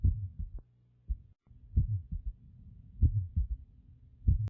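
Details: Stethoscope recording: slow, low heartbeats with an extra soft thud after the second sound, a third heart sound (S3 gallop).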